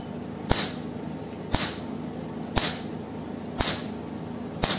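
Sharp snapping clicks about once a second over a steady hum; a cosmetic laser handpiece test-firing pulses.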